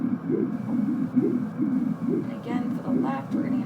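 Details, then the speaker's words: Normal pulsatile hepatic vein Doppler signal, low rhythmic whooshing waves, from the left hepatic vein via midline subxiphoid approach during deep breath; duplex ultrasound liver scan demonstration. "so at this time we're also going to take a signal of the left hepatic vein so we'll have our patient taking a deep breath"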